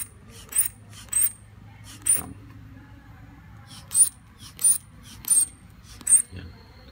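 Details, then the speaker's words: AND manual blood pressure monitor: hand bulb pumped with repeated squeaky hisses about every half second, inflating the cuff to 200; reading then 116/81, pulse 67. "Tapos ngayon, manual. Manual pump. Manual air pump. So ipos lang siya. Manual pump. Open. Pag arrow up na, umpisahan mo siyang i-pump."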